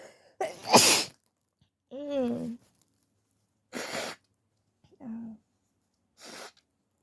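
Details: Sneezing set off by a COVID test nasal swab: one loud explosive sneeze, then several smaller harsh sneezes with short voiced sounds and moans between, in a quiet room.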